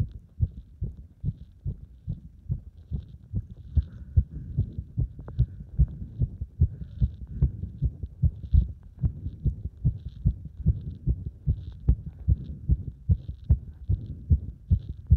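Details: Cardiac arrhythmia heard after chest compression plus squats: fast, dull heart thumps at roughly 150 a minute with uneven spacing between beats; an irregular heartbeat.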